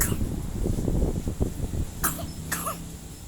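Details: A dog, described as of Dutch breed, coughs on command when told to cough.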